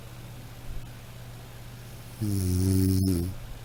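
One loud, drawn-out rattling snore on an in-breath after quiet breathing, from a sound effect recording.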